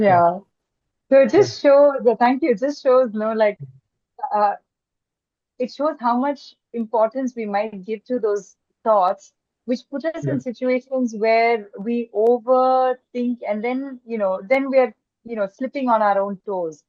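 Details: Adult woman speaking; typical speech.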